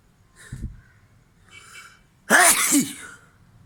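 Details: A short breath in, then one loud, explosive sneeze, recorded as a sneezing challenge.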